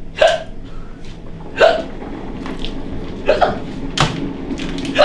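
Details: Person with a daily hiccup condition hiccuping during housework: four sharp voiced hiccups about every 1.3 seconds over household background noise.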